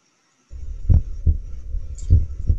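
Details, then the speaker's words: Stethoscope heart sounds played synced with real-time ultrasound of the moving heart: two clear, slow, even lub-dub beats over a steady low hum. "in all my life i have never seen in real time using ultrasound or x-ray or sorry ct or mri i've never seen a moving heart and then hearing the heart sounds that i can see"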